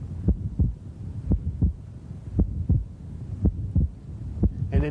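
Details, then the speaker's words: Wide fixed splitting of S2 with a mid-systolic murmur (atrial septal defect) in a male patient; S2 stays split through inhalation and exhalation, widening then narrowing slightly with breathing but never single. "wide splitting means no matter whether he's inhaling or exhaling you can still hear splitting of the second sound there's no phase in which you don't hear splitting"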